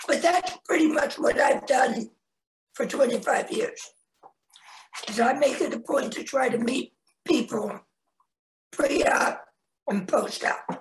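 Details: Tracheoesophageal speech from a man who had a laryngectomy in 1996 at age 41, with primary tracheoesophageal puncture and secondary prosthesis placement, about 25 years after surgery.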